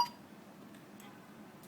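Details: A single brief electronic beep from a Covidien Puritan Bennett 520 ventilator during settings and pressure adjustment, followed by quiet room noise.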